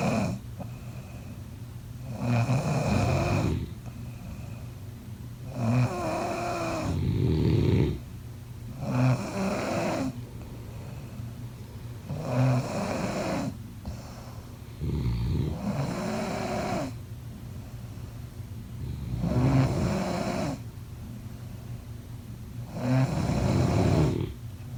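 Steady, rhythmic low rumbling snores with each breath, about 18 breaths a minute, with quiet pauses between.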